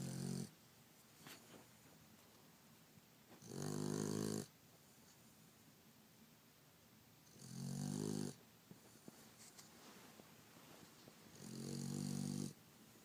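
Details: Female pet dog snoring "like a pig": three loud, rattling snores about four seconds apart with quiet room noise between; ordinary dog snoring.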